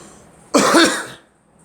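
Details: A single short, forceful, throaty cough in a quiet room from a person who mentions suffering from allergies; cough.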